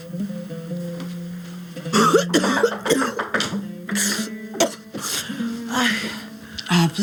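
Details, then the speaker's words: Acted TV drama scene: adult coughing badly and clearing throat, heard over steady background music; cough. "öksürük geçer çok fena öksürüyor"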